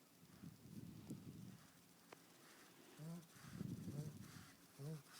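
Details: Sleeping fat pug: snorting, rattling breaths with short nasal grunts, noisy breathing typical of a short-nosed breed; snoring.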